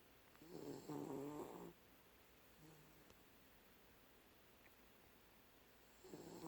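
Rumbling, vibrating breaths with quiet gaps between them in a quiet room; a dog snoring.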